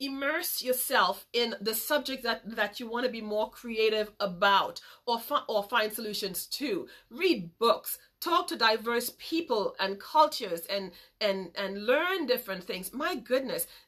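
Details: Adult woman with a major speech impediment since childhood who still stutters sometimes; stuttering.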